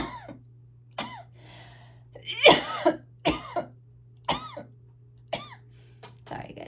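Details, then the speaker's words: About six short, dry, harsh coughs spaced about a second apart, from an adult who attributes them to her asthma and "really bad lungs" and felt her throat was weird; asthma cough. "my asthma has been. I know it's not really the most attractive thing to watch somebody cough. I apologize."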